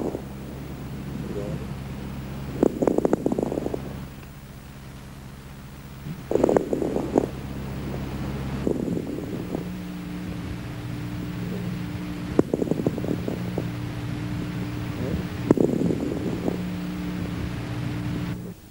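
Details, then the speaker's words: Chest auscultation with bursts of fine, dry crackling on inspiration; velcro-type dry crackles of interstitial lung disease, to be distinguished from alveolar-filling crackles. "en las enfermedades del ínter ticio pulmonar se ocultan estertores secos tipo velcro que deben diferenciarse de los crepitantes de ocupación alveolar y esto se logra más por la clínica que por la ocultación pulmonar"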